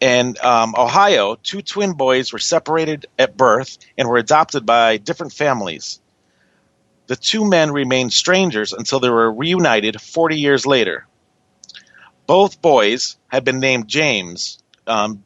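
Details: Adult male reading aloud; Normal adult speech.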